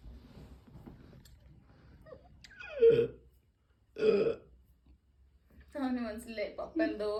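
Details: Baby boy burping; two short throaty burps in a quiet room, followed by baby vocalizing; ordinary infant burping.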